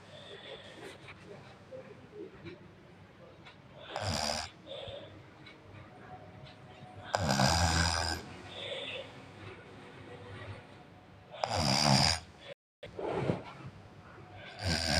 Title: Snoring Kid in Night